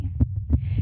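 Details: Female heartbeat picked up by a microphone during a performance, described as excited: quick dull thumps over a steady hum at roughly 180 beats per minute; tachycardia.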